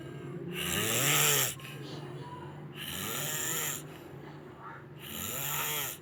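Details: Three long, harsh, raspy snores about two seconds apart; ordinary snoring.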